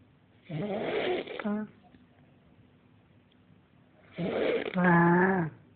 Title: Demon snores